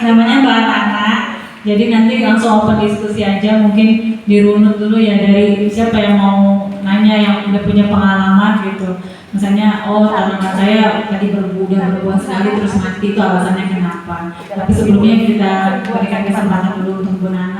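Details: Adult speaker, Indonesian, amplified in a room; normal voice.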